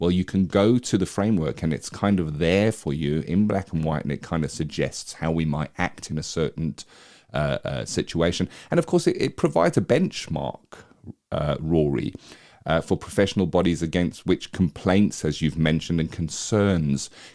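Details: Adult male speaker; normal speech.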